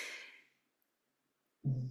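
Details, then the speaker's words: A sleeping dog snoring in the background: a soft, fading breathy exhale, a pause, then a loud, low, rattling snort on the next breath. "Je suis désolée si vous entendez des ronflements, mais c'est ma chienne qui dort."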